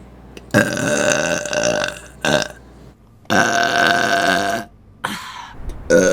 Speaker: >> Oh, that was gross.